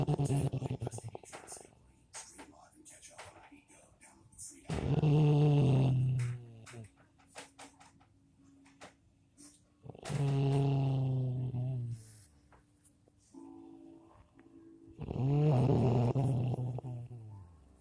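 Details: Loud, rattling snores repeating about every five seconds, roughly 12 breaths a minute, with quieter sounds between, from a sleeping brother; heavy snoring.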